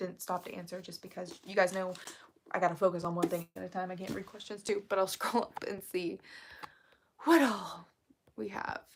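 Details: Woman with self-described really bad current vocal fry, which she attributes to speaking quietly so as not to disturb someone in the next room; vocal fry.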